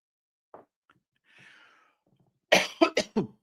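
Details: Adult streamer with a persistent dry cough, apologising for it while talking; dry cough.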